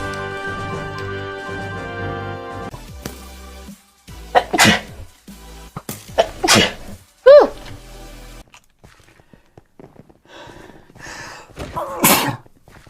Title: THE SNEEZEZ👹